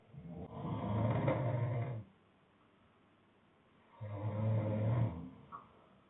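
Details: Sleeping adult man, the speaker's boyfriend, snoring: two loud, low rumbling snores on inhalation separated by a quiet pause; two other people are also snoring nearby.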